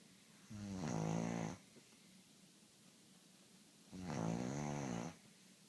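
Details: Man snoring: two long, loud, rattling snores on breathing in, about four seconds apart, with quiet between; ordinary snoring.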